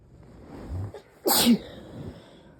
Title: these sneezes won’t give me a break